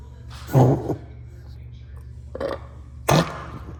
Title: Chico’s cough